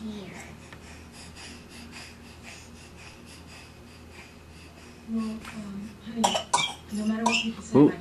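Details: A young child who had just learned to cough gives a few short, sharp, mostly fake (deliberate) coughs, with voices in the background.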